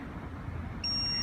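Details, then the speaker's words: Training defibrillator (AED) in a CPR training demonstration, after pads placed and rhythm analysed: voice prompt "shock advised", then a steady high electronic alert tone over low rumble, prompting to press the shock button; AED shock-advised alert tone. "the defibrillator will tell you what to do and it will only shock if it's needed in which case you will be prompted to press the button to deliver the shock"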